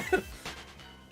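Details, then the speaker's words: A single short, sharp cough, then a fainter follow-up sound, over quiet background music, from a live streamer still recovering from a rough illness several weeks earlier: cough. "you I'm still so full of coughing I need my throat to sort itself out"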